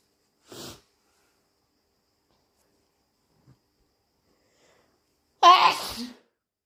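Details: A short breath in, a pause, then one loud, forceful, wet sneeze; allergies suspected.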